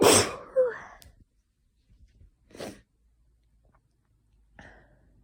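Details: Adult with an itchy nose, possibly from tree-pollen hay fever or an oncoming cold: a loud forceful sneeze, then quieter sneezes and sniffs with pauses between; sneezing fit.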